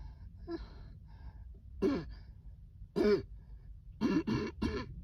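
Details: Adult coughing fit set off by cold air: a run of about five loud, harsh, voiced coughs, the last three close together.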